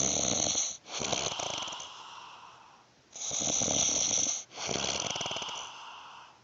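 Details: Snoring in an adult homeless shelter resident who denies snoring: loud, harsh, rattling snores on each breath, about two cycles in six seconds, with brief pauses.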